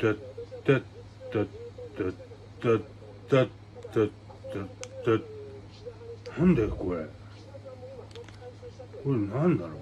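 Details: Aphasia in a man with hemiplegia and paralysis after a brain hemorrhage, with repetitive syllable utterances.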